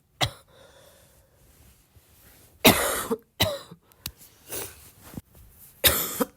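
About five coughs with throat clearing, a couple harsh and drawn out with a loose, phlegmy edge, fitting a wet, productive cough.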